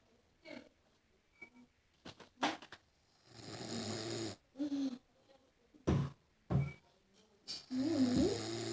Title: Butterman's Snore